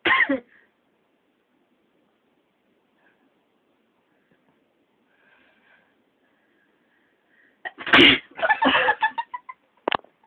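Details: Person deliberately making herself sneeze: a few sharp, explosive bursts after a quiet stretch, with a brief one at the start; sneezing.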